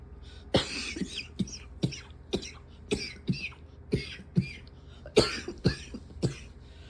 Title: #71 - very tight chested coughing